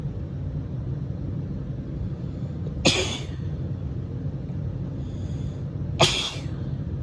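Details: Female with spring allergies and a scratchy throat, sneezing on first waking in the morning: two forceful, harsh, explosive sneezes about three seconds apart, painful to let out, over steady low rumbling noise.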